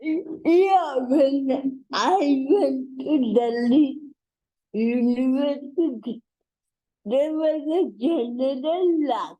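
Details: Dysarthria in an adult woman with cerebral palsy, a real speaker.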